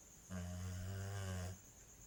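A single low, buzzing, sustained snore of about one second, with a steady rattling quality typical of snoring.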